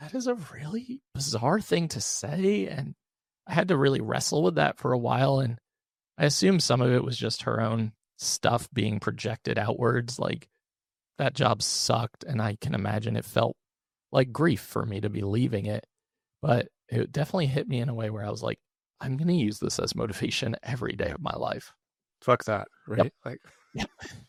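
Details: Adult man with one vocal cord paralysed after open throat surgery for a rare, chronic, recurring throat condition (endoscopic surgery in 2021, recurred within 4 months); voice improved but still fatigues daily, with vocal fry; unilateral vocal cord paralysis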